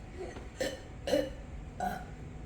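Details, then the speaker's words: Children in a burp competition; three short, throaty burps in a row against room noise; burping. "You guys doing burp competition?"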